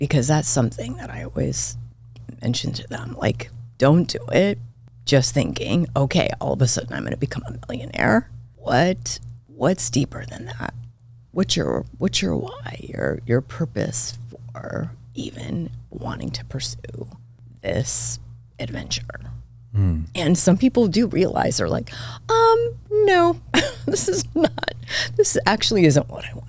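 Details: Adult woman diagnosed this year with spasmodic dysphonia; vocal cord spasms make her voice cut in and out, sometimes hoarse, varying unpredictably; she attributes it partly to voice overuse and stress; real, noticeable during recording; spasmodic dysphonia.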